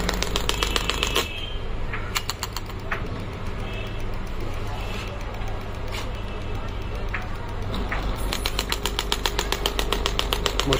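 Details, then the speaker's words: Pneumatic ballistic air-compression ESWT shockwave therapy machine (10 bar) started from the handle: rapid, sharp repeated clicking pulses of the handpiece firing over a low, steady machine rumble. "once you press the start button and the start button in the the handle then it will start working"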